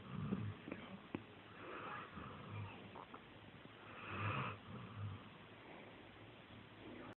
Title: Snoring puppy